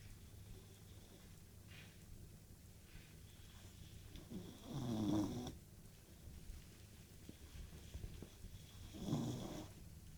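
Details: Sleeping Dalmatian puppy snoring: soft rumbling snores, two clear snores about four seconds apart over a steady low room hum.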